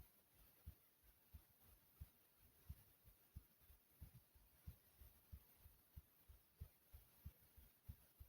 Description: In this video my heart starts off slow and low then gets loud and fast i really hope you all enjoy